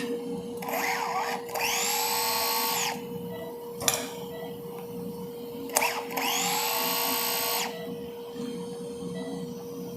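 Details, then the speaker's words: Small dog with cranial cruciate ligament rupture undergoing TPLO: two rising high-pitched bursts of a powered screwdriver backing out all bone plate screws from the tibia so the plate can be repositioned, temporary fixation pin replaced, steady tone behind. "So I'm just replacing my temporary fixation pin. We're going to take all of our screws out."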